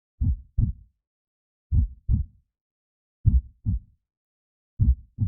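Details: Recorded normal heartbeat sounds offered as a sleep aid for babies: regular paired low lub-dub thumps at about 39 beats a minute, with nothing heard between beats.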